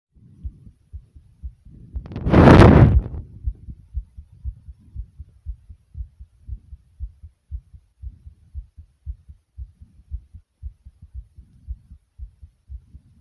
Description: a very brief recording of my heartbeat racing for you all